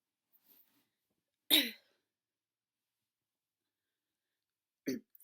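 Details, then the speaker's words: Two abrupt, isolated throat noises, a sharp squeak-like burst then a shorter one, separated by silence. These are vocal tics in a woman with Tourette's, whose tics are bad while she is recounting her worst tic attack. "what happened was sorry my tics are really bad so i have my mouth cut in"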